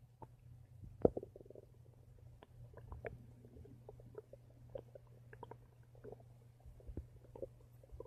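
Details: Stomach making noise: irregular gurgling, bubbling and squelching over a steady low hum, with one sharper pop early on; active bowel sounds (borborygmi).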